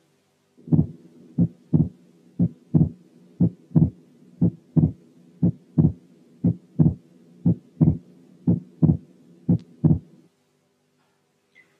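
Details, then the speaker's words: Atrial septal defect, a quiz case: regular heart sounds near 60/min with wide fixed splitting of the second heart sound, staying widely split during both inspiration and expiration. "الحل هو الحالة الأولى كانت atrial septal defect with wide fixed splitting of the second heart sound."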